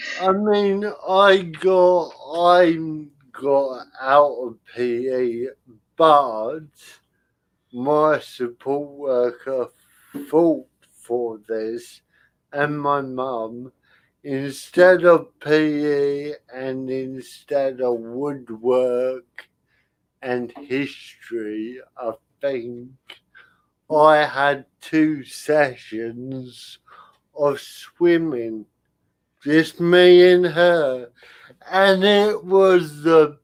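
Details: Adult male with spastic cerebral palsy affecting limb control and speech; dysarthria (spastic cerebral palsy).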